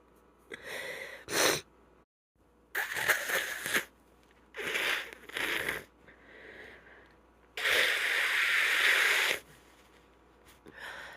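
A run of sneezes with sniffy, congested breath sounds between them; repeated sneezing with a stuffy cold.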